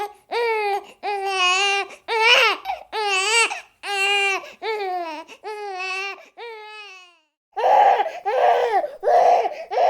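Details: Repeated rhythmic infant cry bursts with clear tonal wails, about 85 per minute, some harsher near the end: a baby crying.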